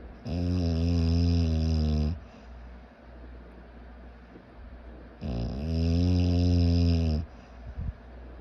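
Two long, loud, buzzing snores, each about two seconds, separated by quiet breathing.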